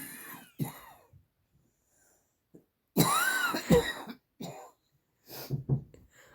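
Several harsh, rough coughs in short runs from a dog, with brief pauses between bouts.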